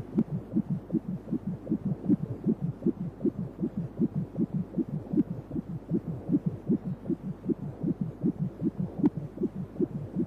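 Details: At 29 weeks of pregnancy, a 4D ultrasound scan picks up fast, regular whooshing beats at about 155 a minute over a low hum: a fetal heartbeat in the normal range.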